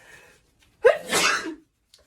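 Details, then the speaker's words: Acted sneeze from a compilation, with the speaker describing an allergy sneezing fit: a brief indrawn catch, then a single loud, forceful hissing sneeze. "I'm having another sneeze attack ooh so sorry I'm uh definitely uh having such a time with my allergies and everything"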